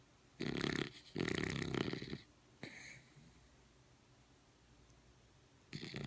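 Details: Two loud, rough inhaled snores, then a fainter one and quiet breathing, with another snore starting at the end; snoring.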